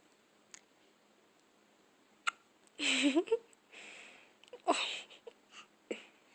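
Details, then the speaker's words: A baby girl with hiccups: short, abrupt catching sounds, several in a few seconds, mixed with small vocal noises. "No. You have the hiccups?"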